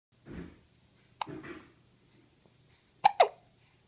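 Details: Eleven-day-old baby fresh from the bath: two sharp, abrupt little gulps close together, with soft breathing and fussing before them; infant hiccups.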